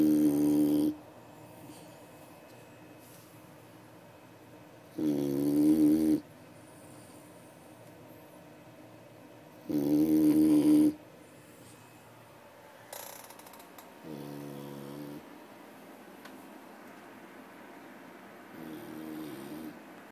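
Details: Dog that snores a lot, sleeping in a quiet room: buzzy, tuneful snores about every five seconds, some louder than others, roughly twelve a minute.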